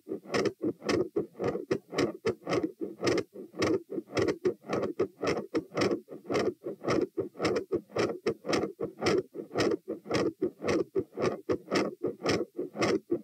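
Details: Stress-test auscultation at position T as the patient goes from lying to sitting, standing, a few knee bends, standing and lying, at 84-96-108-120-96 bpm: a fast, regular heartbeat that grows from quiet to very loud, with murmur changes, split S2 and extra sounds.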